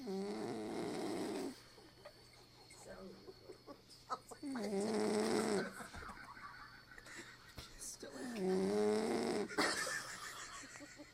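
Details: Pet Cock-a-poo dog snoring in sleep: three loud rattling snores about four seconds apart, with quieter breathing between, in a quiet room.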